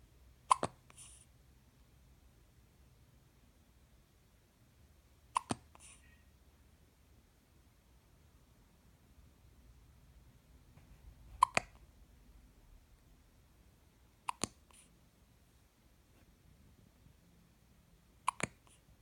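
Five sharp, tiny clicking hiccups at irregular intervals over nineteen seconds in a quiet room; newborn hiccups.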